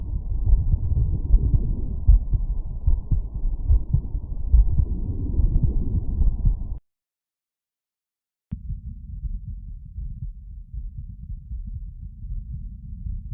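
Low, rapid heart sounds are heard through a stethoscope over the aortic area after physical exertion, at about 74 beats a minute, with loud chest-piece rubbing noise in the first half and a brief gap. The beat is quicker and stronger after exercise, an expected normal response.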